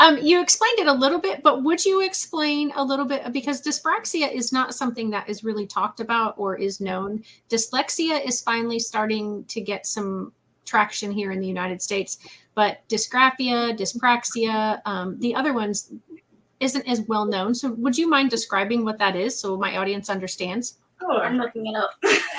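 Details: Adult woman speaking; typical speech.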